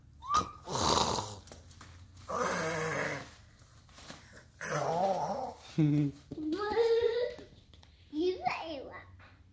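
Irregular rough, snorting breaths with some whining, groaning sounds between them, in a quiet room: snoring.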